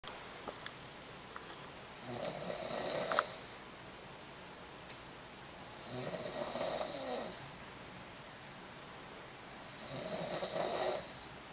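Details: Loud snoring during sleep: three rough, rasping snores about four seconds apart in a quiet room, roughly 15 breaths a minute.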